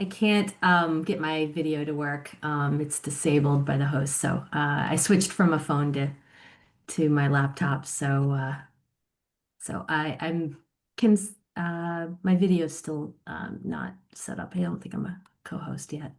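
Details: Adult woman speaking over an online meeting connection; normal voice.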